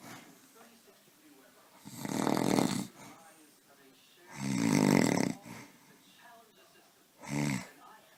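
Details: Husband snoring loudly in a small room: harsh rattling snores on inhalation, about one every three seconds, with quieter breathing between; snoring.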